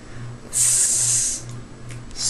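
An acted sharp hissing burst, demonstrating a hissing vocal tic as seen in Tourette syndrome.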